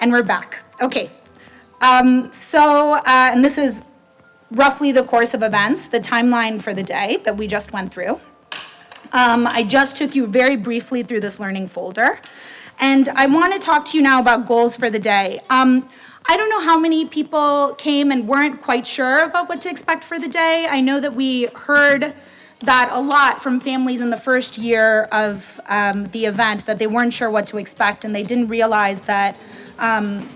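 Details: Adult woman; typical speech.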